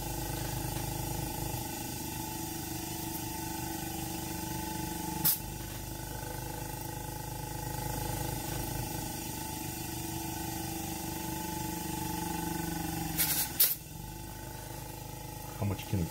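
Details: Steady mechanical hum with fan noise, low pulsing motor rhythm and sharp clicks from a salvaged oxygen concentrator being powered up and tested after rebuilding with replacement hoses.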